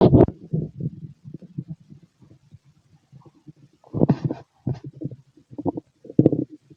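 Irregular gurgling and bubbling stomach rumbles with louder bursts, typical bowel sounds of an empty stomach.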